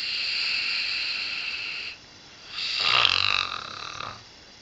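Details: An 8-year-old springer spaniel with a nasal tumour, currently undergoing radiotherapy, snoring during sleep: a loud, rough, rattling breath or two over steady room hiss.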